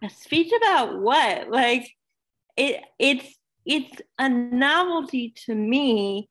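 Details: Dysarthria in a woman almost 32 with cerebral palsy who says talking is hard for her and that her disability shows as soon as she speaks.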